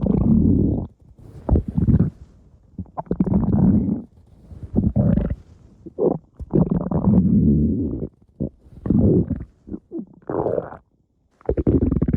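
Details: Stomach growling (borborygmi): loud, long, low gurgling and rumbling growls in repeated bursts with short pauses; ordinary bowel sounds.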